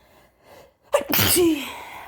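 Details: A single typical sneeze: a short catch of breath, then a sharp, explosive sneeze ending in a voiced tail.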